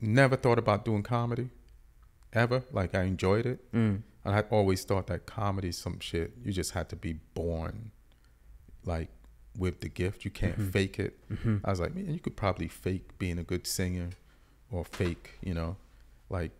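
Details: Adult man; normal speech.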